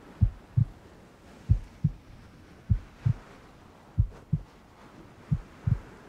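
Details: Furry ASMR, cuddling roleplay with heartbeat sound effect over rain ambience: regular low paired lub-dub thumps, about 48 a minute; steady, slow normal heartbeat.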